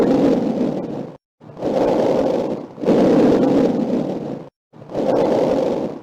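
Soft, even rushing breath sounds in steady in-and-out cycles with brief pauses, no added noises; normal lung sounds.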